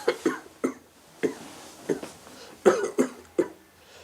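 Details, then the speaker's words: Dramatized scene of a man who smoked a pack a day for years, with severe cough and blood-tinged sputum, as a possible lung cancer sign. About eight harsh, repeated cough bursts in quick succession; acted, not real. "어느 날 , 그 는 피가 섞인 가래와 함께 심한 기침 증상 을 보였다 ."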